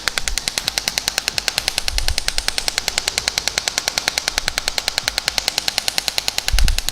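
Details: Shock wave therapy device firing over the Achilles tendon, focusing on swelling and moving up and over: rapid, steady sharp clicks at about 200 a minute.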